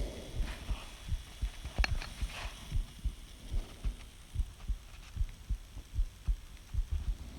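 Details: A woman's faint heartbeat near 75 per minute, recorded by her boyfriend under hiss and rubbing, speeding slightly with each breath in; she asks whether this is normal; respiratory sinus arrhythmia.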